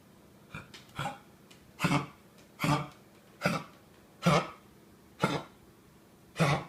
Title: cough